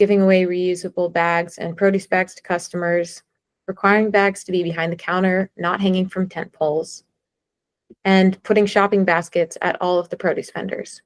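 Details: Adult woman; normal voice.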